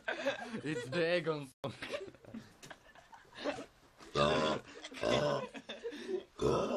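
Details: Several loud, drawn-out voiced belches with laughter between them, people burping for fun; repeated burping.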